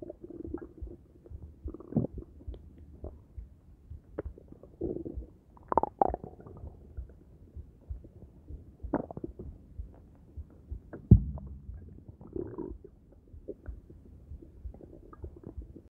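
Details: Stomach gurgles after a meal of omelet, coffee and green tea: low, irregular gurgles and rumbles; ordinary bowel sounds.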